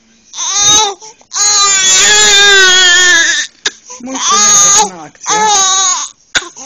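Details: 6-week-old baby boy, night-time crying lasting hours to be held: loud, sustained wailing cries in long bursts separated by short breaths; typical young infant cry.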